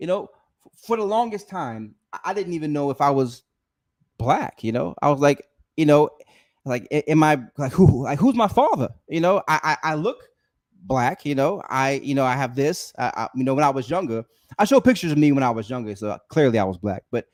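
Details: Stuttering in an adult man who says he has a speech impediment, during a live stream.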